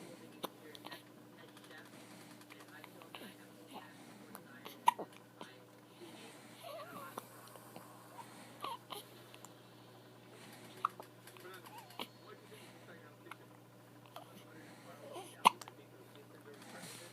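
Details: Infant hiccups: sharp, brief catches at irregular intervals a few seconds apart, with soft room noise.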